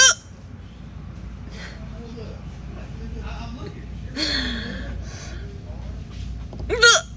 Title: Young TikTok lady with loud and sharp hiccups!